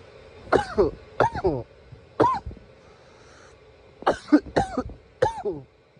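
Repeated voiced coughs, about six, come in close groups with short pauses between them. Persistent coughing.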